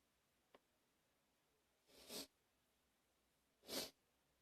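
Two harsh, noisy cough bursts after a brief click, in a quiet room.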